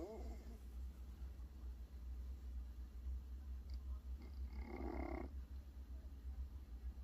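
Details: Steady low rumbling breath noise from a sleeping cat, with a brief louder snort partway through; harmless snoring.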